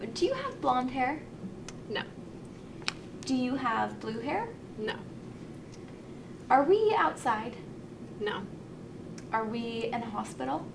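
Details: Adult woman (clinician); normal speech.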